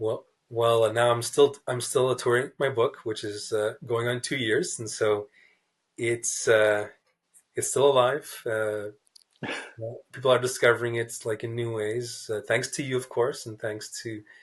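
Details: Adult man who stutters, a writer, in a real interview; repeated words and blocks are audible; stuttering.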